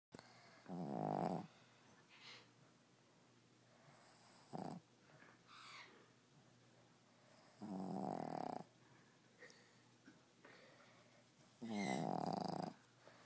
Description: My bro's dog was snoring so I had to get it on video